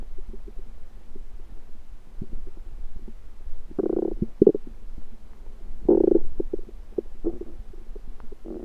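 Irregular low gurgles and bubbling rumbles over a faint hum; ordinary stomach rumbling from gas and fluid moving through the gut.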